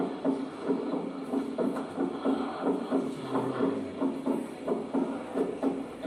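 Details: Regular heart sounds around 90 a minute, the second heart sound heard as two close parts varying with inspiration; physiological split second heart sound.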